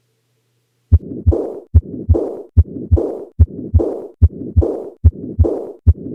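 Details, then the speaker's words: Combined aortic stenosis and aortic regurgitation heard at the apex: regular rhythm about 73/min, murmurs filling systole and diastole, mimicking a continuous murmur, with the diastolic component slightly louder here, two superimposed murmurs. "Apex before the systolic component was slightly louder now the die stall component is slightly louder this is an example of two murmurs superimposed on one another"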